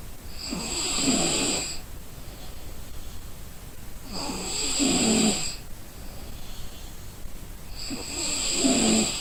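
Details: Exhausted person in deep sleep, loud rattling snores recurring about every four seconds, roughly 15 breaths a minute: snoring.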